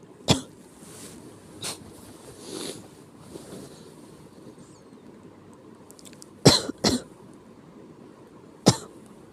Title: 気持ち悪い咳 sick cough